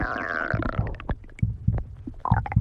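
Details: Stomach growling (borborygmi): a long gurgling growl, then bubbling pops and gurgles from the belly.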